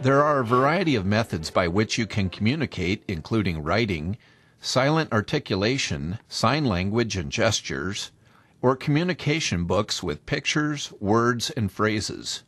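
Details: Adult male narrator; normal speech.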